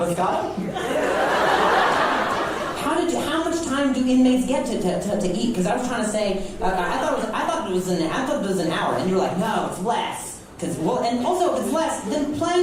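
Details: Adult male stand-up comedian with a severe stutter for over 10 years, which he ties to anxiety and links to a traumatic brain injury from being hit in the throat by a softball; stuttering.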